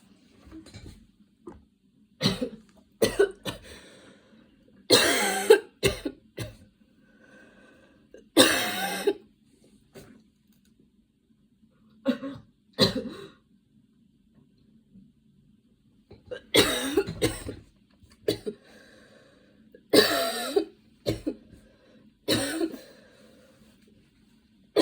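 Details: Repeated harsh coughs in several clusters, about fifteen in all, with quiet gaps between bouts; a little coughing fit while getting ready.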